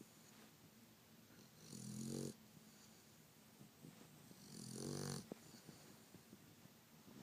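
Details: Sleeping female dog snoring: two slow, rough, rattling inward breaths about three seconds apart in a quiet room.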